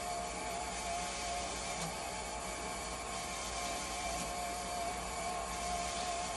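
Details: Steady mechanical hum with a faint rhythmic pump whir and no alarm, from a dialysis machine test-run after its pressure transducer was swapped to troubleshoot low flow error and high or low conductivity alarms.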